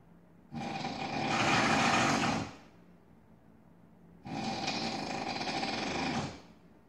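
Two long, loud, harsh rattling snores about four seconds apart, with quiet gaps between; heavy snoring.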